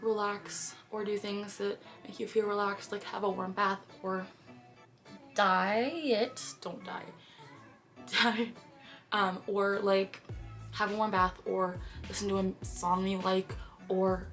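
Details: Woman with Tourette syndrome during a tic attack, with intense motor tics and a few vocal tics: repeated phrases and sudden out-of-context phrases. Vocal tics (Tourette syndrome).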